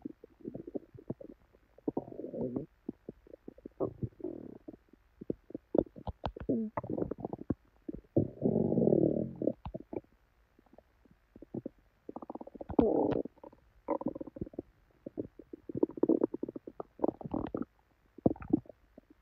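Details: Woman's belly after drinking probably expired milk, with very bad diarrhea: frequent loud gurgling and rumbling gut sounds in irregular bursts, some prolonged; loud, active borborygmi.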